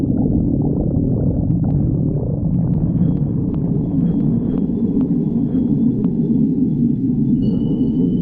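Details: Stomach growling (borborygmi): a continuous low, gurgling rumble with shifting pitch and a few faint high squeaks.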